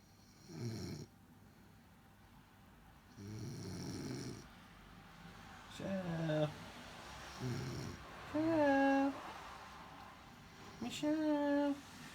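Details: Woman snoring after falling asleep: regular rough snores at about 23 a minute, some with a groaning nasal tone, separated by quiet pauses.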